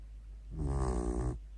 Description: My dog Lea the Beagle snoring with her eyes open